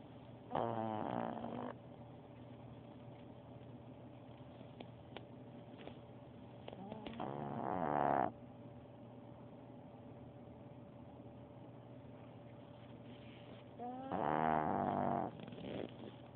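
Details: Sleeping pet snoring after eating a boneless chicken breast: intermittent nasal, whistling snores a few seconds apart over a steady low room hum.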